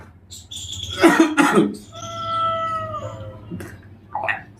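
Two loud, harsh cough bursts from an adult man in an acted comedy scene, followed by a vocal sound.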